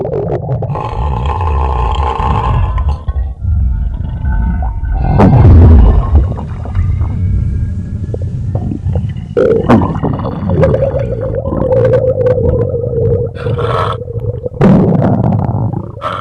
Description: Burping and huge stomach growls in a stuffed sloshy belly